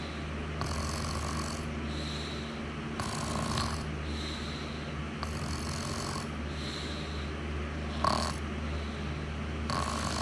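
Repeated rough breathing noises during sleep, roughly one every two to three seconds, over steady room hum; snoring.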